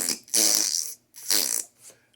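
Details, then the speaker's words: Patient with a new permanent zirconia all-on-4 implant bridge. A forceful F sound produces two loud flapping, fart-like bursts as air leaks between the upper arch appliance and the gum line, not from the cheeks. Air leak past dental prosthesis. "you will get a fart sound. That sound is air coming out of the top. It's not coming out of my cheeks."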